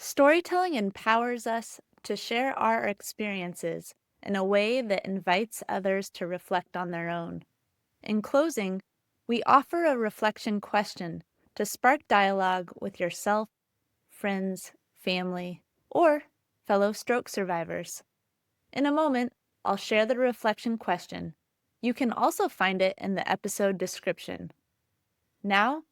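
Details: Adult woman narrating; typical speech.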